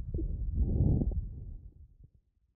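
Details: Lung crackles recorded with an Eko digital stethoscope: muffled breath sounds carrying brief popping clicks.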